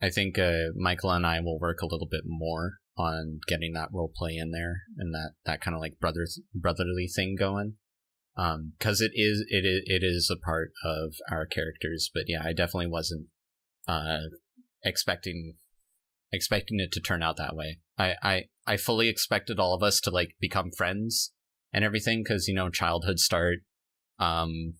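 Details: Man who self-reports stuttering, with word and phrase repetitions heard; stuttering.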